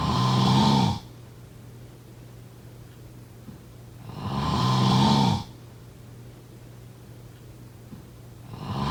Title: Snoring sound…